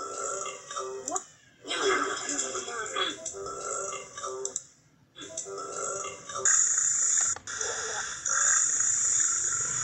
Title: Burps compilation 27